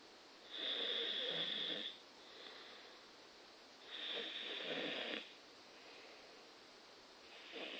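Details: Sleeping, drooling person: loud, rattling snores on each breath in with quieter breaths out, about 17 breaths a minute; snoring.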